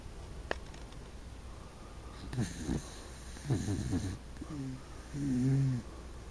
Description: Sparky the wired hair wiener dog on stilts is snoring.